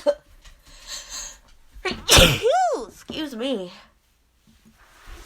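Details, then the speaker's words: Allergy sneezing fit: a drawn-out, rising vocal build-up breaks into a sharp, loud sneeze, then a wavering voiced sound. "oh my gosh sneezing is out of control today oh gosh oh still got more it's ugh i have to sneeze"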